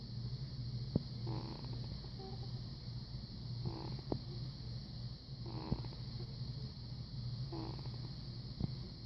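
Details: Tiny, faint, soft snores repeating about every two seconds, roughly 28 breaths a minute, under a steady low background hum: snoring.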